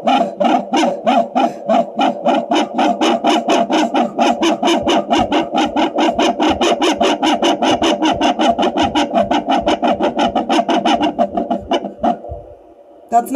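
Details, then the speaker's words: Fetal Doppler placed on the ribs of a woman picks up her deep breathing as fast, even whooshing pulses that mimic a fetal heartbeat, with her own faint heartbeat in the background: maternal breathing artifact, not a fetal heartbeat. "I'm just going to breathe in real deep here see it thinks that my breaths could be a heartbeat but it's obviously not a heartbeat"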